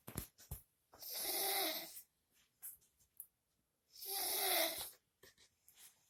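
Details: Two long, loud, rasping snores about three seconds apart, near 20 breaths a minute, with small clicks and snuffles between them: snoring.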